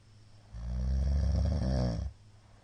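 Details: Middle-aged man's snoring in sleep, an especially loud night (22 February 2022): one loud, deep, rattling snore lasting about a second and a half, with quiet breathing before and after; heavy snoring.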